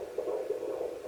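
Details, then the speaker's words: Fetal heartbeat at 17 weeks in a third pregnancy, on an at-home Jumper pocket fetal Doppler (JPD-100S6): rapid rhythmic whooshing pulses, display reading about 135–151 beats a minute, normal range stated 120–160. "so their heart rate tends to be a little bit higher so i think it's 120 to 160ish"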